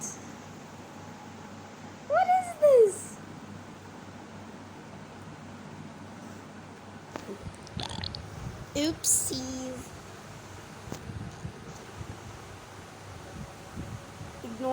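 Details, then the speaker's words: Person's own burp: a short, low, gurgling belch rising out of quiet room noise, with a second sound a few seconds later; an ordinary burp. "that I just burped, and if you didn't hear it, just ignore me then."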